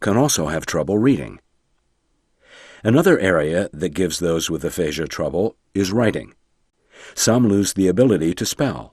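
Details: Adult male narrator; Normal speech (narrator).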